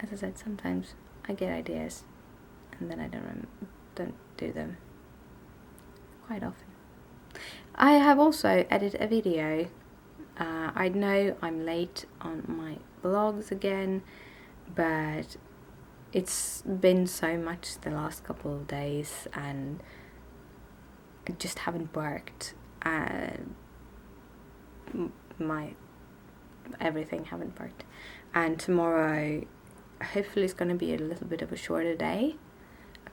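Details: Adult woman with tics and a speech impediment present since waking that day, worse in Swedish than English, speaking English on a bad day; stuttering.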